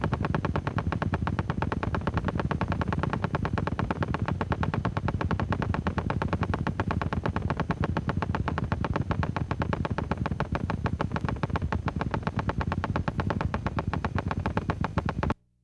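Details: Needle EMG: polyphasic motor unit potentials and nascent polyphasic MUPs of normal or long duration. Heard as rapid, rough crackling pops firing steadily.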